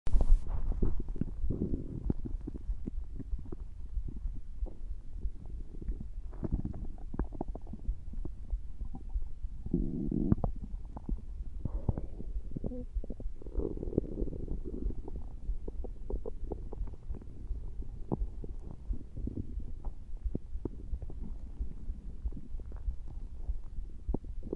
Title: @CoolcolnsCartoonWorld-p9z stomach growling😊❤️